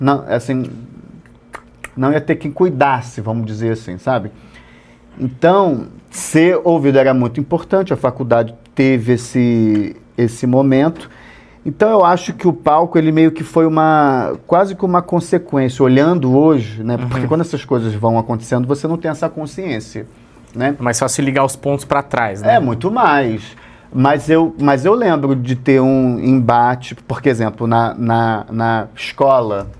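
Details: Stuttering since childhood in an adult male comedian; it runs in his family, and he stutters at some times and not at others.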